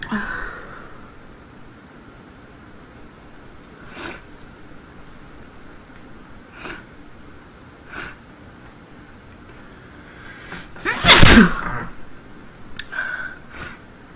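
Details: Woman with a tickle in her nose gives quiet sniffs and nasal breaths, then one loud, forceful, deliberately performed sneeze, and apologizes afterward; a sneeze.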